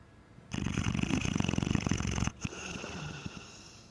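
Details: Nine-month-old blind Mastiff puppy asleep: snoring.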